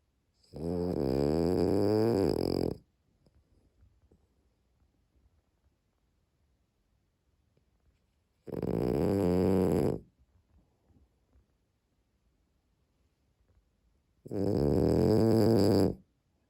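Three long, loud, rattling snores about six seconds apart, quiet breathing between them: a sleeping dog snoring.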